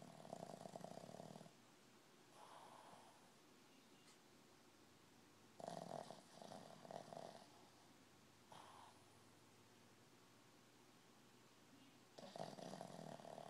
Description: This little puppy sounds like a frown man snoring.